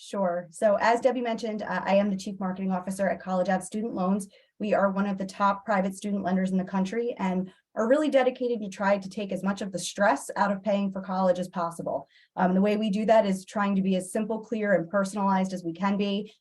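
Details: Adult woman; Normal voice.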